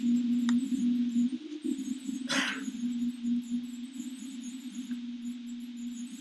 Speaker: And then this is someone that has sleep apnea. So this fluctuating up and down is because the breathing is on and off, and associated with that is the heartbeat keeps on fluctuating.